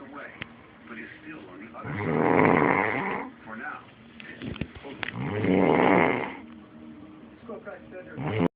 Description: This is me snoring, hahahaha